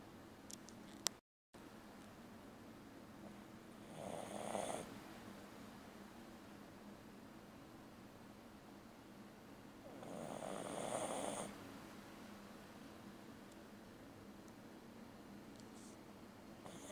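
Two soft, drawn-out rattling breaths about six seconds apart, heard as quiet snoring over room hum.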